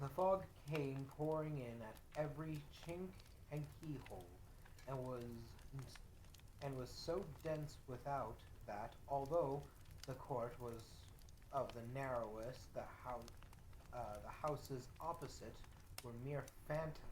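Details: Adult man with self-reported dyslexia, who describes himself as a little stuttery, reading aloud with word repetitions; reading disfluency (dyslexia).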